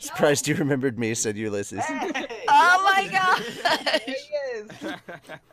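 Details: Adult speaker; normal voice.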